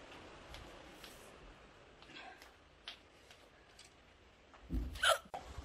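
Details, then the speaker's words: Woman with strong, persistent hiccups that restarted after eating a banana, just back from class: quiet room with faint short catches, then a sharp, louder gulping hiccup near the end. "मुझे बहुत जोरों जोरों से हिचकी हो रही है, आप देख सकते हो."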